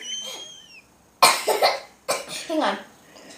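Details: Girl deliberately burping the alphabet in a playful game: two short, abrupt voiced burps shaped like spoken letters.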